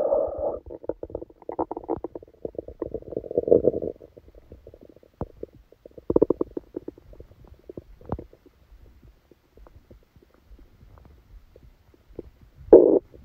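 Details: Active bowel sounds with gurgling, rumbling stretches, crackly bursts and quiet gaps from the abdomen, recorded while sleeping with a stomachache that began after Christmas dinner.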